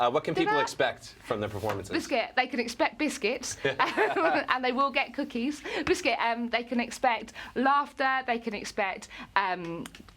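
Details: Adult woman with Tourette syndrome; a regular vocal word tic, said up to 16,000 times a day, occurs while she speaks. Vocal tics (Tourette syndrome).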